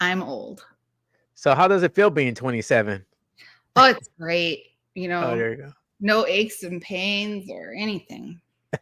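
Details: Adult speaker; normal speech.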